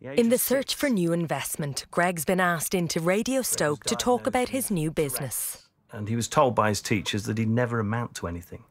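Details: Adult narrator; normal adult speech.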